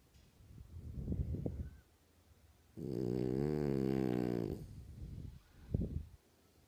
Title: My Frenchie, Lola snoring up a storm!